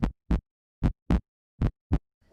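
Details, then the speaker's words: Normal healthy heart: regular lub-dub at about 75 beats a minute; S1 (lub) is AV valve closure, S2 (dub) is semilunar valve closure. "the first sound is the AV valves closing and the second sound is the semilunar valves closing when a healthy heart beats it makes a lub dub sound"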